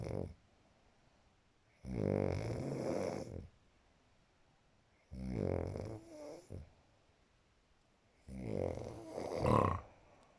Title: Snoring as 2:46 am